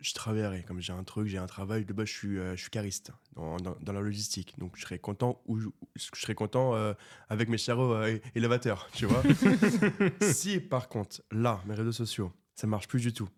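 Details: Stuttering in a 24-year-old man who has stuttered since birth; it was severe in childhood and treated with speech therapy, and he now stutters mainly under stress and only a little in this conversation.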